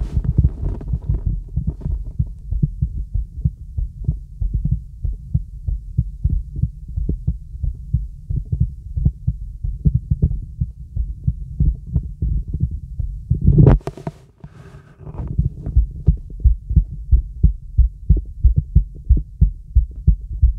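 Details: Young woman's heart auscultated with a real stethoscope, using diaphragm or bell: steady heartbeat at about 90 beats per minute with brief handling noise midway; normal heart sounds.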